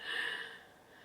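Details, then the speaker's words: A sleeping French bulldog that the owner thinks has a cold and is snotty gives a brief, rough, congested snorting breath, fading out in a quiet room; snoring. "if you can hear snoring it's because i've got my dog in here she's snoring like a right figure she's snoring she's a french bulldog and i think she's got a cold so she's snotty and snorri so apologies but she is cute she is cute"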